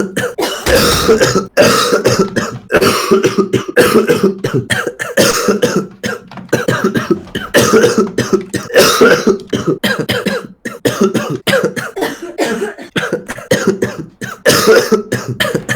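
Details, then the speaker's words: Adult man coughing all evening, says coughing feels so bad his eyes bulge out: repeated harsh, forceful coughs in close succession; persistent coughing fit. "Мне так плохо, когда я кашляю, что такое ощущение, что глаза на лоб вылазят."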